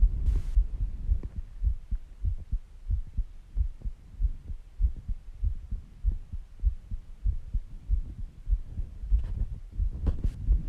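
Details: Heartbeat recording: steady, regular low thumping at about 98 beats per minute with a few brief rustles. Normal heart sounds.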